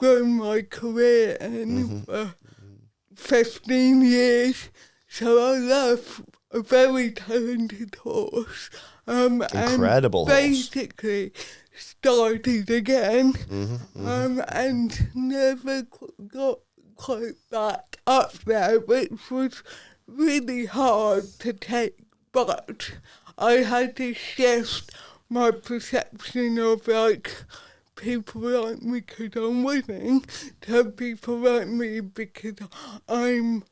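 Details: Adult woman, Paralympic dressage rider with athetoid cerebral palsy whose speech is affected by it, previously self-conscious about her speech; dysarthria (athetoid cerebral palsy).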